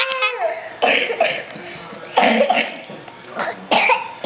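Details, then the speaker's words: 4-year-old boy and 3-year-old girl making silly noises: several short, sharp forced coughs with a playful squeal at the start; voluntary (fake) cough. "are you both sick that was a fake cough"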